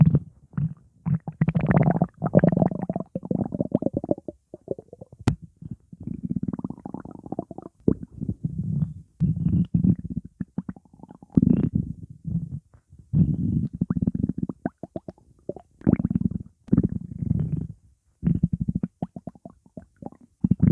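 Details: Low rumbling and gurgling bursts from the belly: ordinary stomach growling (borborygmi).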